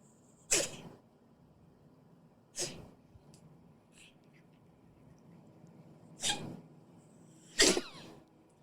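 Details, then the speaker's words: Cat with episodes of four short, sharp, hissing nasal bursts a few seconds apart, like wanting to barf but not gagging; owner compares it to her childhood Shih Tzu's reverse sneezing and wonders about cat asthma; reverse sneezing. "doesn't he sound like it's like he's he wants to like barf but he doesn't he's not gagging he's lit like sneezing or something well it sounds like what my Shih Tzu growing up always had reverse sneezing"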